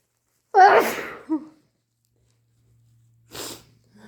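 One loud wet sneeze, then a short nose-blow-like burst of air; this is an allergy sneeze.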